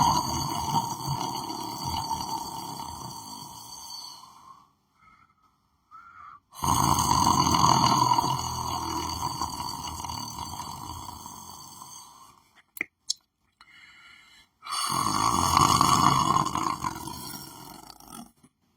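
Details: Long, loud, buzzing breath noises in three bursts separated by pauses, with faint clicks, while lying asleep on the floor of a room; heavy snoring.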